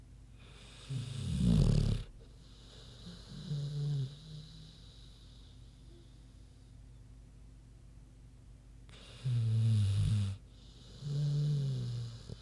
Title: Big Pig Snoozin' (HD Queenie Snoring Audio)